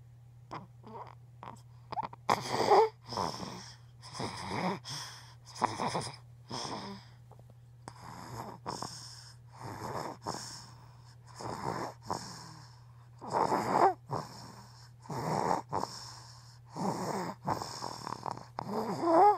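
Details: Child snoring during sleep, recorded for an ENT doctor: rapid, harsh rattling breaths, some with a faint whistle, over a steady hum.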